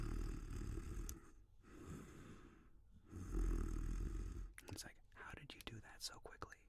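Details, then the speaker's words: A contented sleeping dog snoring in the background of a live ASMR stream: low, rumbling snores on three slow breaths, then soft whispering and clicking close to the microphone. "the dogs snoring in the background is um it's a sound of the sound of relaxation"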